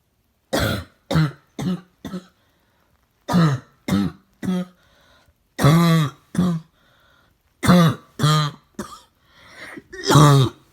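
Repeated short, harsh, seal-like coughs in bursts, about a dozen in ten seconds; a barking cough typical of upper airway swelling.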